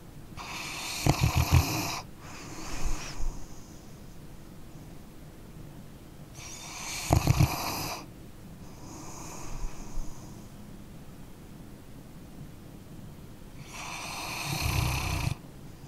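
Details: Sleeping dog snoring: deep, rumbling snores on each inward breath, each followed by a softer airy exhale.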